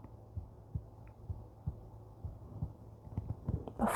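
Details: Adult woman's heartbeat recorded for ASMR under soft whispered reading, with light tapping and paper sounds: soft, regular paired low thumps at about 65 beats a minute.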